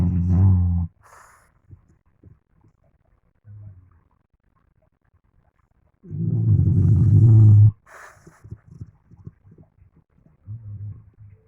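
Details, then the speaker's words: Snoring from a deeply asleep dog, which the owner thinks may be having a nightmare: deep, rumbling, low-pitched snores, irregular in length, with quiet gaps and soft snorts between. "pero lo más chistoso es que está roncando me parece que es una pesadilla"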